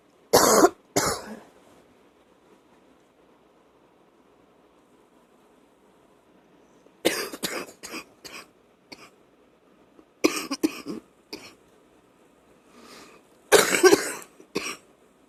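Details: Night-time loose, wet productive cough in repeated clusters separated by pauses, waking the person and bringing up phlegm that is spat out; wet cough.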